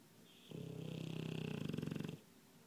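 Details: Sleeping dog snoring: a single drawn-out snore with a fluttering, buzzing rattle that speeds up toward the end.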